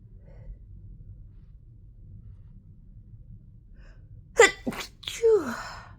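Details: Quiet room, then quick forceful sneezes in close succession followed by a gasp: the tail of a sudden, powerful sneezing fit that started five minutes after an earlier fit had ended.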